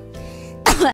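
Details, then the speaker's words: A single loud, harsh cough or throat clear over quiet background music; the speaker says she is not sick, and that she coughs when overly excited. "tandanya batuk jadi kalau kalian kayak ih kobu batuk berarti dia sangat semangat dan ambis begitu teman-teman ya"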